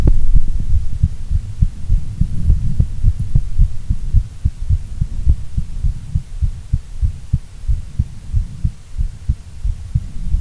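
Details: Normal heart sounds.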